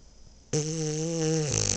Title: Gunner sleeping, snoring, eyes open and in REM sleep ! Freaky Frenchie!